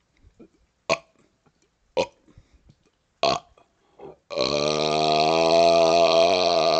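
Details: Burping outdoors on a second-floor porch during a cold snowstorm: three short belches, then one long, loud, drawn-out burp lasting several seconds.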